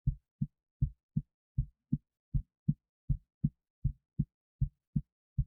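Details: Normal but excited heartbeat of the recorder, with EKG set up, before a 25 lb weight was placed on the left chest; steady lub-dub heart sounds at about 80 beats per minute.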